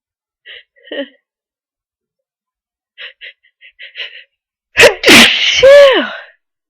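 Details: Sneezing near the end of a cold after a long, tearful buildup: quiet catching breaths, then a loud burst of sneezes with a voiced, wailing finish.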